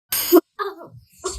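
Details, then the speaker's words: Child saying he has a cold and cough: a harsh cough burst, then a falling throaty voiced sound and the start of another cough; an acted cough. "क्या हुआ और आबदीन मेरे को cold और खासी हो रही है"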